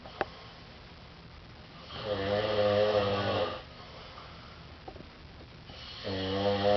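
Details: Two men asleep in a living room snoring in alternation, each with a different snore and breathing pattern: two loud, buzzing snores about four seconds apart, quiet breathing between.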